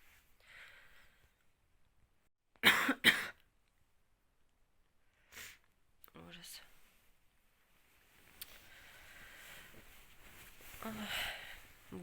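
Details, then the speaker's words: Woman with a cold, runny nose and high fever, bedridden for several days: two sharp, harsh coughs in quick succession, then a softer one, with quiet breathing and room noise; cough. "Простыла насморк В общем температура кашель В общем весь букет всего так не вовремя вообще столько планов столько всего и В общем меня вот подкосило"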